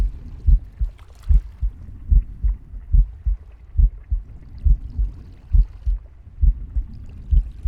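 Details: Pig's heartbeat: steady, regular low thumps at about 70 a minute under soft breath and gurgling stomach noise; normal heartbeat with breath and bowel sounds.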